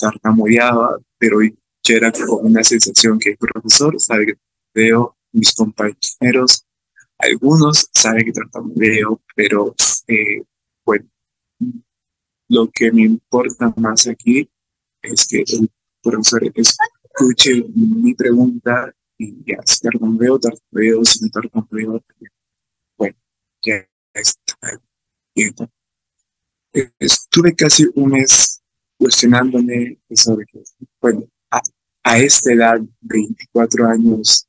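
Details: Stuttering in an adult man speaking Spanish, with fear of stuttering when participating in class.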